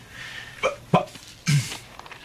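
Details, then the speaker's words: Acted vocal tics by a character with Tourette syndrome in a TV drama; three sudden, brief, hiccup- or yelp-like throat noises in a quiet room; simulated vocal tics of Tourette syndrome. "it was the worst interview I've ever had all he could see when he looked at me was my Tourette's"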